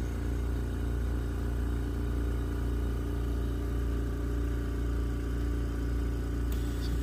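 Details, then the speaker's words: Perfecto Invacare 5-liter oxygen concentrator being powered up: a beep, then a steady low mechanical hum with faint regular pulsing as it runs normally and the green oxygen light comes on. "so uh with that uh we'll just go ahead and turn this on real quick and said you're gonna hear that beeping noise and then you should see a green light here once that green light turns on that means your oxygen is uh is pumping"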